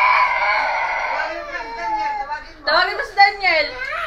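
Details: Infant crying in distressed, wavering wails with brief breath catches in a small room, upset after a phone playing a Daniel Padilla video was taken away.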